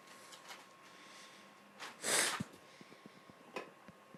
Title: Lol i sneeze how to open youtube